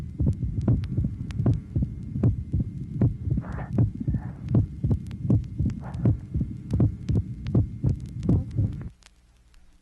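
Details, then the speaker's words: Phonocardiogram tracing 23 of mitral stenosis: regular heartbeat about 79/min with loud first heart sound, opening snap of the mitral valve, and diastolic rumble becoming more audible at the end of diastole. "tracing number 23 mitral stenosis loud first heart sound opening snap diastolic rumble particularly becoming more audible at the end of diastole"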